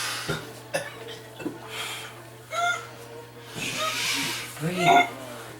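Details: A 14-year-old's pertussis (whooping cough) attack, occurring 5–6 times nightly for 3 weeks: a run of short, sharp coughs ending in a strained, high-pitched gasping inhalation.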